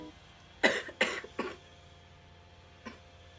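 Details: Person who has been sick a long time: three quick harsh coughs in a row, then a faint fourth, over steady room hum; a short coughing bout.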